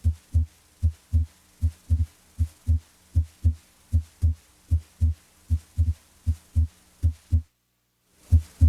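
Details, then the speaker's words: Normal S1 and S2 heard at the aortic area, steady paired lub-dub at about 75 a minute, regular rhythm, S2 usually louder than S1 there. "identify s1 and s2 and listen for extra heart sounds and murmurs"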